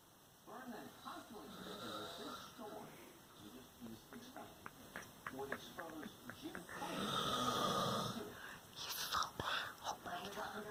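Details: A sleeping father snoring, with rough, rattling breathing noises amid room noise and some background talk; snoring.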